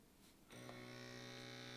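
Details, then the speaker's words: Quiet room, then a steady electric pump hum as a Withings BPM Connect upper-arm cuff, placed at heart level, begins inflating and tightening on the arm; automatic blood pressure cuff inflating. "and there it is it's getting tight in my arm"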